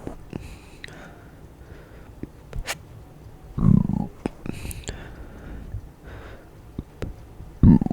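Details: Deliberately produced closed-mouth burps from someone trying them for the first time: two low, muffled throat bursts in a quiet room, with faint clicks between that may be small hiccups.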